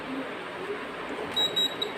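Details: Two short, high-pitched electronic beeps over quiet room noise during a syringe infusion pump demonstration of alarm settings: the pump's alarm tone.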